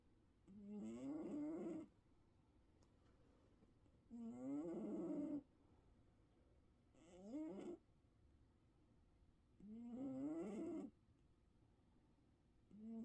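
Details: Snoring: four slow snores about every three seconds, each a drawn-out, vibrating, whistling tone on the breath, with quiet gaps between.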